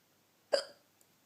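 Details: A single short, sharp hiccup in a quiet dark room while the person was trying to sleep.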